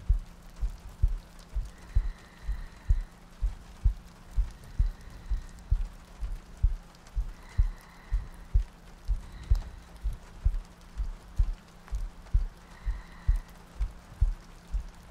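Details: Sleep-aid ASMR loop with soft breathing and rain ambience: regular low heartbeat thumps at about 64 beats a minute over soft rain and faint background tones.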